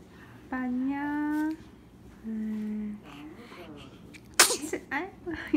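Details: Newborn: two soft squeaks, then a single sudden, sharp sneeze burst followed by small snuffles; an ordinary newborn sneeze.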